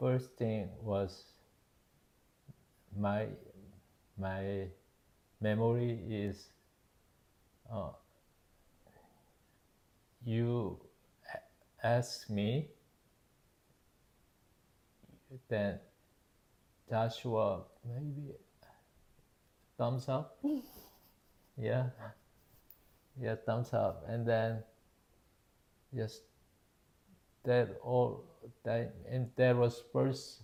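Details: Man, 52 at ischemic stroke in September 2023 from spontaneous left carotid artery dissection, left-hemisphere damage; initially global aphasia, now Broca's (non-fluent expressive) aphasia with word-finding difficulty; Korean native speaker, English recovering more slowly.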